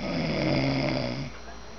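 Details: Person snoring while asleep, filmed up close: a loud, low rumbling snore lasting about a second, then fading, with faint room noise.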